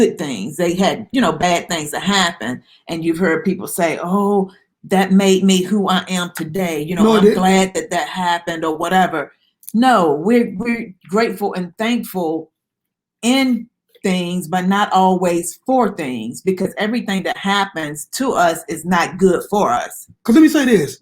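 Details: Adult speaker; Normal speech.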